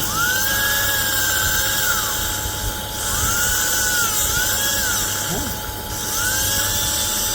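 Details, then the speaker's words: Power drill during basal implant placement in a severely resorbed mandible (buccal bypass of the lingually placed nerve): high whining repeated passes through first cortical and cancellous bone, starting to hit the second cortical at about 12–14 mm. "अब ये first cortical को cancel spoon को drill किया। अब ये hit होने लग गया। हिट होने का मतलब सेकंड कॉर्टिकल तक आ गए।"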